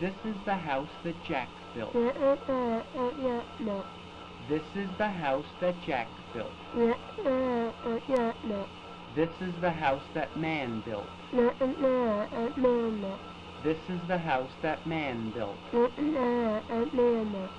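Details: Child with a congenitally short palate, recorded during cineradiography circa 1956, repeating a short phrase; cleft palate speech with hypernasality.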